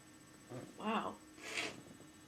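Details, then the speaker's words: Induced sneeze (incense stick) in a slightly stuffy person: a voiced wind-up, then a sharp hissing, uber forceful, somewhat wet burst; the sneezer says it made them dizzy; a normal sneeze reflex. "wow big ones today for oh my God I got dizzy from that one"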